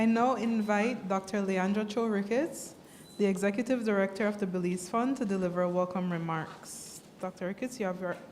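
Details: Adult woman speaking; Normal voice.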